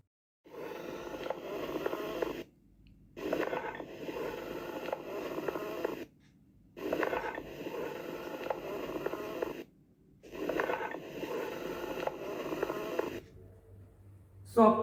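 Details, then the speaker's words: Simulated educational auscultation audio of amphoric breath sounds: hollow, echoing, ringing, somewhat high-pitched breath sounds like blowing across a bottle's mouth, described as heard over an open pneumothorax and a tubular cavity. "the third type of abnormal drunkle sound that is amphoric type of sound and this empor type of sound is present as shown in the diagram on the open type of memox as well as on tubular cavity and this is a little bit High P sound and on escalation this sound appears like"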